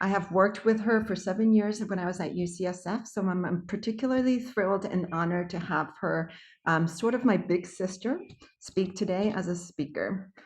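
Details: Adult woman speaking; normal speech.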